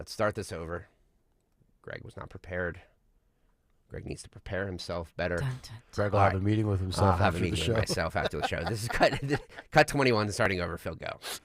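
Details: Adult male radio host; normal speech.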